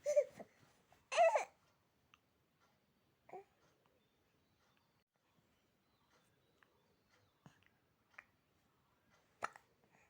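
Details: 7-month-old baby with hiccups: soft, abrupt little catches in a quiet room, a few louder ones among baby noises.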